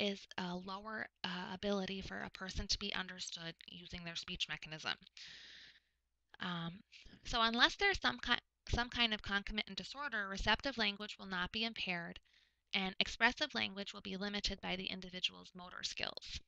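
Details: Adult female lecturer; typical speech.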